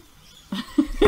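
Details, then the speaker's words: Several short, low, nasal snorting sounds in quick succession from a pet that snores habitually; snoring. "yep socks is snoring again socks is always snoring nothing new"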